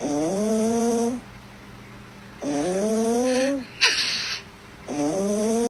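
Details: Sleeping female cat snoring with rhythmic, buzzy, rising breaths, about 25 a minute.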